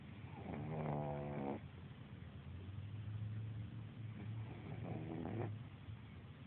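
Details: Pug snoring, recorded on an Android phone: two long, rattling, low-pitched snores about four seconds apart over steady room noise; loud snoring in a flat-faced dog.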